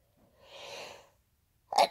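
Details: Induced sneezing using chhinkni (sneezing powder); drawn-in breath builds up, then a single sharp explosive sneeze.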